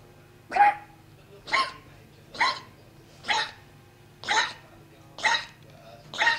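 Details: Dog coughing: seven short, harsh bursts about once a second in a run of repeated coughing, with a faint steady hum behind.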